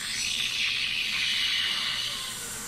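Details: Dental high-volume evacuation (HVE) suction running through an M7 suction mirror, shown as a demonstration: steady loud airy hiss of suction running continuously.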